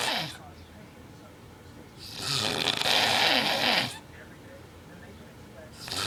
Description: My boyfriend snores really bad.